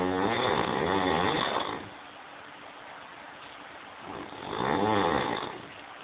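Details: Loud rattling snores while breathing in, with quiet pauses between breaths, from a sleeping adult reportedly drunk; heavy snoring.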